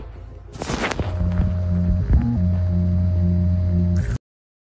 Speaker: कि आपने नैचुरल हट के साउंड तो जरूर सुनी होगी और क्या आपको पता है कि आर्टिफिशल हार्ट की आवाज कुछ ऐसी होती है